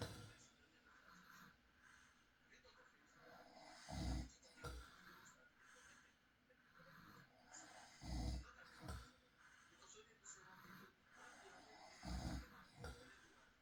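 Low rumbling snores recur about every four seconds, roughly 15 breaths a minute, with faint room noise behind; ordinary night-time snoring.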